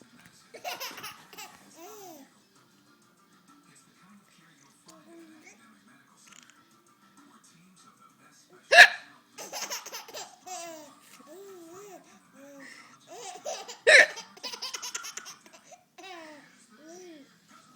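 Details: Mother's hiccups: sharp, sudden hiccup sounds recur while a child laughs and giggles, with music in the background.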